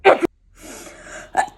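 A short, sharp burst, then a hissing breath and another brief burst, fitting an acted sneeze in a comedy skit.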